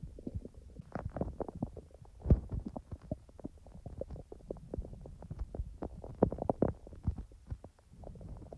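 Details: A person's own real stomach sounds, not recorded in real time: busy gurgling and bubbling from the belly with many irregular pops and rumbles, normal active bowel sounds (borborygmi).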